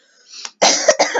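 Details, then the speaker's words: Person coming down with a slight cold, reading a play aloud: a soft intake of breath, then two harsh explosive coughs close together; cough with a common cold. "By the way, you will hear me cough. I am coming down with a slight cold, so just a heads up that is me coughing."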